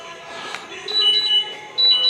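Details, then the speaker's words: Short repeated high electronic beeps over faint room noise: the vlogger's own glucose monitor alarm sounding at home. "Oh, there goes my glucose alarm."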